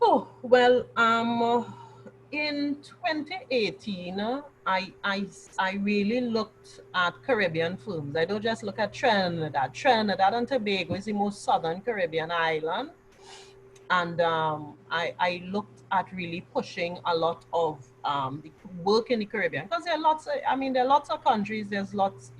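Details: Mild stuttering (stammering) in an adult woman who has stammered since childhood; she reports she has largely gained control of it, and says any remaining stammer is now mostly habitual rather than caused by nerves.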